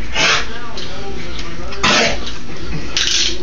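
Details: Dog named Dixie gives three harsh, dry hacking bursts, a coughing fit; owner attributes it to breathing too hard.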